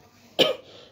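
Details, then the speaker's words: Woman with an ongoing throat problem and persistent dry cough after a cold: a single short, sharp cough burst with no wet rattle, a dry cough. "আর বলো না, যা গলা নিয়ে ভুগছি না, মানে কেশে কেশে মরে যাচ্ছি, শুকনো কাশি, আর কিচ্ছু না।"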